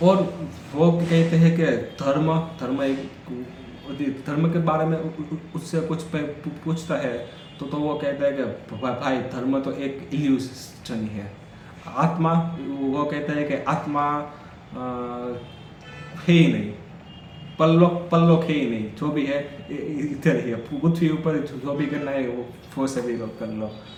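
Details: Man who stammers, on Day 4 of his daily stammering practice routine, counting backwards from 100 as fast as he can in Hindi: stuttering.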